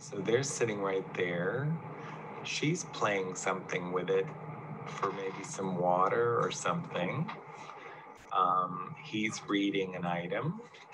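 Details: Patient with primary progressive aphasia, a frontotemporal disorder, describing a picnic scene picture; semantic variant primary progressive aphasia.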